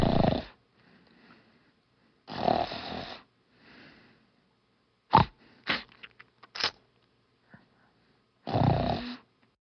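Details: Wife snoring loudly for 10 nights in a row: rough, rattling snores on breathing in, every few seconds with quiet breaths between; snoring.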